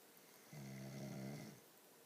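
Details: Snoring: a single low, buzzing snore lasting about a second in a quiet room.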